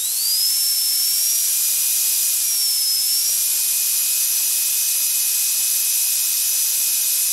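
High-pitched whine of a dental drill spinning up, changing speed, and running steadily over a loud hiss.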